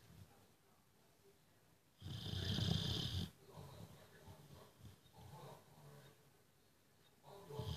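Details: Boxer dog that snores every day: a loud, rough snore burst rises out of quiet breathing, followed by softer snoring noises.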